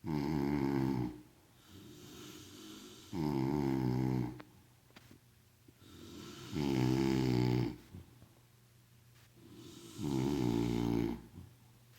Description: Synchronized snoring